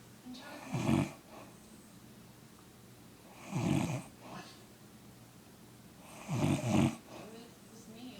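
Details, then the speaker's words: Adult woman (mother, who denies snoring) snoring during sleep: three loud, rough snores over eight seconds, about 21 a minute, with quiet breathing between them in a small room. "I'm going to show you in this video, or anyone in our family, that mom does snore. She doesn't think that she does."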